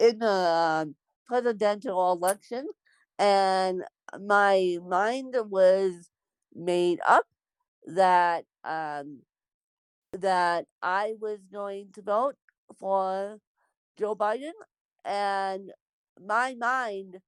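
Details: Adult woman born with cerebral palsy; dysarthria (cerebral palsy).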